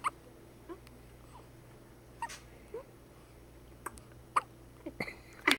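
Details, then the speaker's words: Young girl with hiccups: brief, soft catches repeating irregularly, about one a second, over a steady room hum. "Oh, hiccups. Daddy, I got the hiccups."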